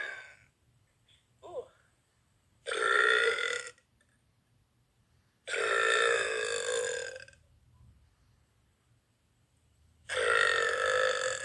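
Three long, loud, voiced belches separated by quiet pauses. Burping.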